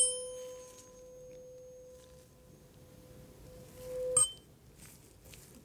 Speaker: okay so i've got this little hearing device i'm going to create a vibration i'm going to put it on your ear okay this is going to be position one and position two and i want you to tell me which one sounds louder to you okay